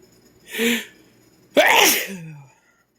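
A short in-breath, then one forceful explosive sneeze with a voiced trailing end; an ordinary sneeze.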